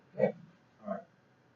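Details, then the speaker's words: Two brief, low gurgles through a stethoscope during abdominal assessment; normal bowel sounds heard in all four quadrants, neither hyperactive nor hypoactive. "well I listened in all four quadrants the variety of her left upper right lower and left lower and his abdominal quadrant I could hear the bowel sounds they were normal no hyperactive or hyper active sounds"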